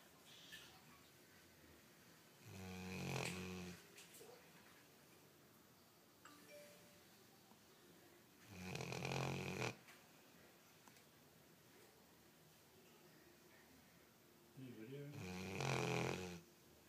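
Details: Sleeping pet dog snoring: three slow, low rumbling snores, each about a second long, several seconds apart in a quiet room; ordinary snoring.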